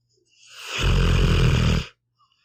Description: Here is an hour of my pitbull, Meatball snoring.